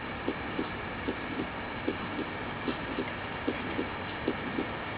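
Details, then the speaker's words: Simulated heart sound on the SAM simulator, stethoscope at the aortic area, about 75 beats a minute: severe aortic stenosis murmur lasting throughout systole, peaking late and ending at S2. "sam view sounds display system you can see the phonocardiogram of severe aortic stenosis simultaneously you are hearing this sound as heard at the aortic area note that the murmur is throughout systole with late peaking ending at s2"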